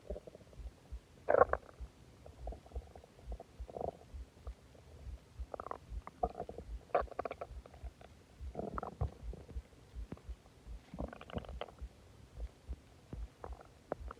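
Loud, repeated gurgling and groaning from the abdomen with low rumbles between. Ordinary stomach growling from gas and fluid moving through the gut.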